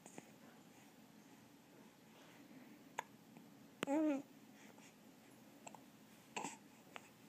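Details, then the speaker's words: Two-month-old baby with hiccups: several short, sharp, spaced clicks and one brief squeaky catch of voice in a quiet room. "Do you get the hiccups? Do you get the hiccups?"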